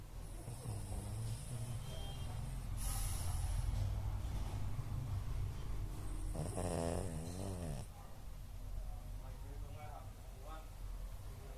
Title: Pug snoring